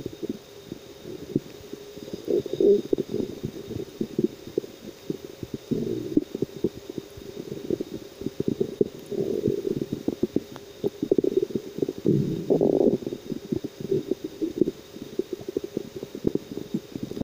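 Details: Low rumbling and gurgling from the belly, coming in waves over a steady hum; ordinary stomach growling from digestion.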